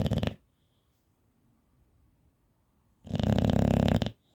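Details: Bulldog snoring loudly, with rough, rattling breath noises separated by a quiet pause.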